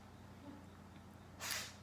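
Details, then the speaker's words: A cat with allergies sneezes once, a short hissy sneeze over a low background hum. "My cat is sneezing. Sorry. She has allergies, but she's okay. But if y'all was wondering what that noise was, she's sneezing."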